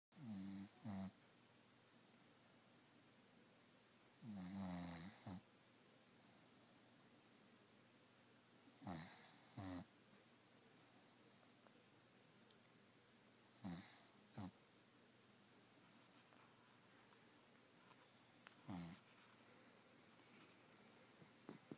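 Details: A sleeping puggle dog snoring: soft, regular snores, about 14 a minute, each a short double snort in a quiet room.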